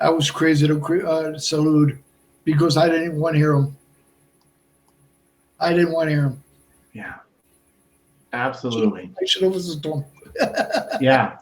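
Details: Adult man with Broca's aphasia for more than 8 years after a stroke in March 2011; he is also a heart transplant recipient. Speech is limited to short utterances, with laborious word-finding and more difficulty with verbs than nouns.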